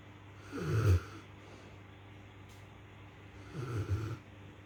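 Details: Rottweiler dog sleeping flat out after a hard day: two loud, low, rattling snores about three seconds apart with quiet between; ordinary snoring.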